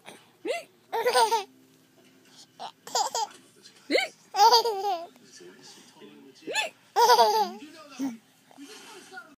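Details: Person's abrupt, sharp voiced hiccups recurring about every two to three seconds among bursts of another person's laughter.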